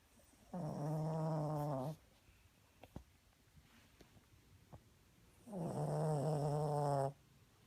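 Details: Snoring yet again: two long, loud, buzzing snores with a clear vibrating tone, separated by a few quiet seconds.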